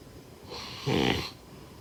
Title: #snoring #snoringsleepingsoundeffect #snoringsounds #snoringasmr